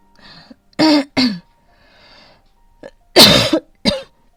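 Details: About five dry, harsh coughs in short bursts from an adult woman having an asthma flare on a rainy morning, saying she feels a little short of breath, with soft background music; asthmatic cough.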